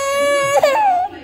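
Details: Brief, whiny, tuneful cry with a short break from an 11-month-old baby girl, called a fake cry by the adult present; not distress.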